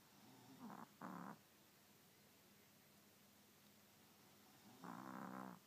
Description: Cutest dog in the world starts snoring after drifting away into sleep.